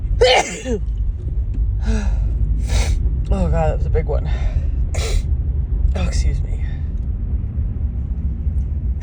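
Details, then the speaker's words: Woman with repeated sneezing over a week in late March, suspected grass pollen allergy, saying her nose tickles and sneezes are harsher than usual: series of forceful sneezes with sharp inhalations over low rumbling background hum. "Oh God, my nose tickles so much. Oh God, so these are like way harsher than my normal sneezes."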